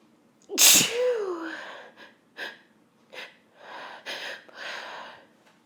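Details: Pepper-induced sneezes from a woman who sniffed pepper and tried to hold back: one loud explosive sneeze with a sharp intake of breath, then several smaller stifled sneezes.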